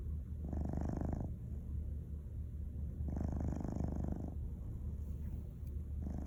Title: Cat snoring